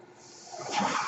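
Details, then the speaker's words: Mechanical ventilator breath cycle from a podcaster's own ventilator: soft hiss of airflow swelling over about a second, one delivered breath. "That noise you're hearing is my ventilator."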